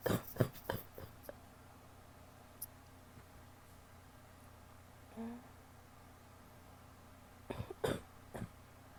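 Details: Wet cough.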